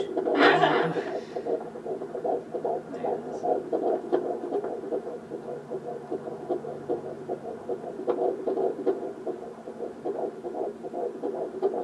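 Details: Fetal heart tones on Doppler at 12 weeks of pregnancy: rapid, rhythmic whooshing pulses about 150/min, within the normal range.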